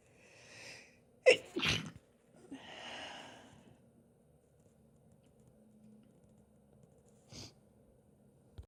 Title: Chhinkni Sneeze fit (f)